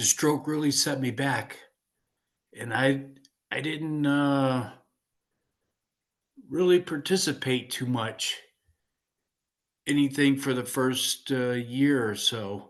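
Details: 56-year-old man with aphasia following a stroke in 2016; speech with hesitations and self-corrections; aphasia.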